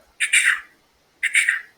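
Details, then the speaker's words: A voice imitates two heartbeat cycles, each with an extra third sound after the usual pair: a third heart sound. "Ahí se puede producir un tercer ruido fisiológico."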